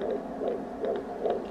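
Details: At about 20 weeks of pregnancy, fast rhythmic whooshing pulses of the fetal heartbeat, around 150 beats a minute, heard at home with a handheld fetal Doppler and gel; baby moving.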